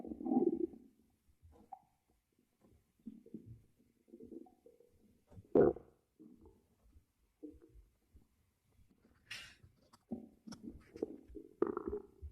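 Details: An ASMR recording made by monitoring a person's own belly: irregular gurgling and rumbling bursts with quiet gaps. Ordinary stomach growling, bowel sounds.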